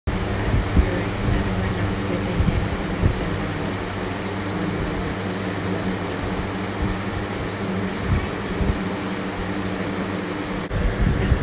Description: what it sounds like to hear when you have hearing loss, and why it leads to hearing fatigue.